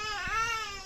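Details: Brief, high-pitched, sustained crying wail from a baby girl in a small indoor room, while her father repeatedly apologises and tells her not to cry.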